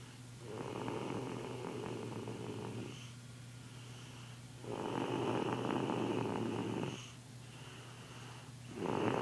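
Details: A tired sleeping kid snoring: slow, rough, rattling breaths in and out, each lasting two to three seconds, with a steady low hum behind.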